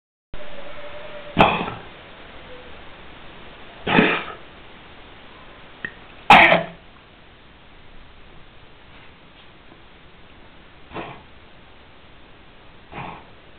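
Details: Dog Harry coughing: about five short, harsh coughs, three loud and two fainter, over a steady background hiss.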